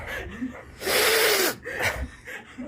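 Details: A long, noisy, hissing intake of breath, like the gasp building before a sneeze, with short breaths around it; gasping.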